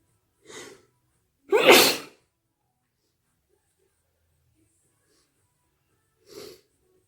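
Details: Wet sneezes in a quiet room: a soft sneeze, a loud wet explosive sneeze, then a soft one after a long pause.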